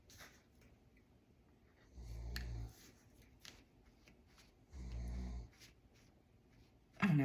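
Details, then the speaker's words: Pet dog snoring in the background of a room recording. "you can hear that snoring that's my dog"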